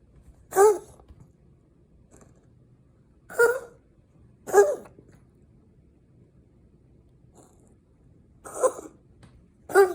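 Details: A rescued rabbit with an undiagnosed breathing problem not yet seen by a vet: short, harsh, snorting breath noises at irregular intervals, noisy upper-airway breathing described as wheezing.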